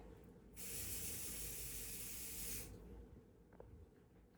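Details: Vapocoolant cold spray applied to the skin before a small incision for hormone pellet insertion (testosterone, estrogen, collagen) under lidocaine: a steady two-second hiss of spray, then quiet.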